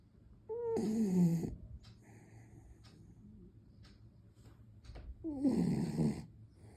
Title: Will dogs Snore? cute beagle puppy snoring 😴